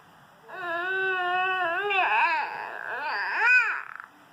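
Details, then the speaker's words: Infant whining cry: a baby's voiced whine rising and falling in pitch over about four seconds in a quiet room; ordinary fussing cry. "we're going to start with some baby talk from this cute berry then we're gonna go into some baby whines"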